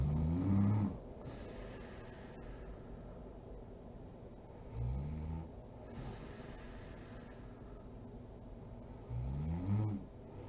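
Low, buzzing snores on three breaths in, roughly every four to five seconds, over steady room hiss from a sleeping adult.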